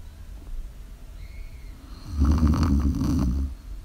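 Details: Adult sleeping, recorded live: steady breathing noise, then one deep, rattling snore lasting over a second, ordinary snoring.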